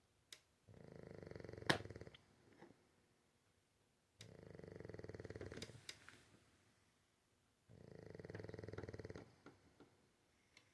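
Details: Bulldog snoring while asleep: three rattling, fluttery snores, each lasting over a second, with quiet pauses between them, about 17 breaths a minute.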